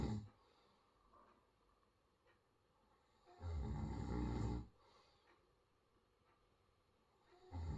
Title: Sweet snoring to you